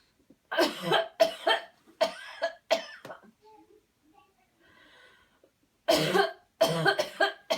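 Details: Voluntary cough in a guided cleansing coughing breathing exercise: after counted breaths in and out and a deep inhalation, two groups of forceful, deliberate coughs, about nine in all, separated by a deep breath.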